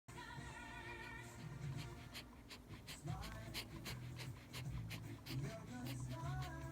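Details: Dog named Leona gives a run of quick, sharp sneezes and snorts over background music.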